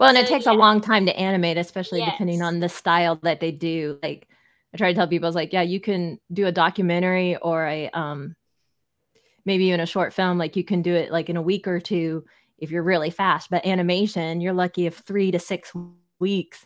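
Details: Adult speaker; ordinary speech.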